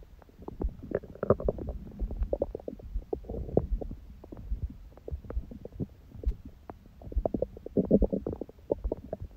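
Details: Belly sounds after a first meal at 16:00 (water-only fast since 19:00 the previous day) and after ab exercises, on a raw-food diet: frequent gurgles, clicks and rumbling bursts; active, ordinary bowel sounds.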